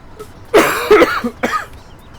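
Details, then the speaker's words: An adult with a bad cough that leaves the voice raspy gives a short run of harsh, forceful coughs, with faint game music and engine noise behind; cough. "I've got the cough from hell, but I'm alive."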